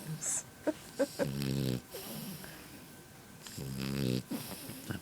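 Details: French bulldog puppy snoring while asleep, eyes open: two long rattling, buzzy snores a few seconds apart with soft snorts and breathy sounds between.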